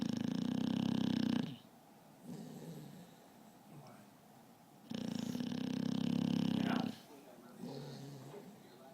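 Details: Adult snoring: two loud, low rattling snores about five seconds apart with quieter breathing between.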